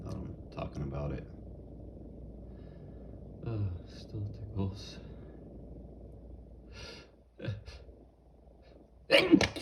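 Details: Sneezes deliberately triggered by cayenne pepper powder: several short breathy bursts and gasps build to one loud sneeze at the end, in a quiet room.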